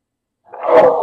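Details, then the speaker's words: Adult man sneezes during a spoken talk on Buddhism, then apologizes for the noise. "If I was more skillful, I could mute it and sneeze and turn it. Sorry for that noise."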